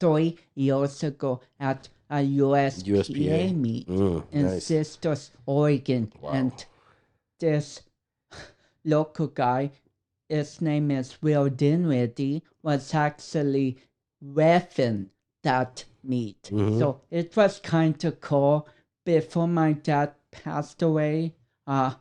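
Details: Dysarthria from cerebral palsy in a 32-year-old man, whose cerebral palsy affects speech coordination and walking.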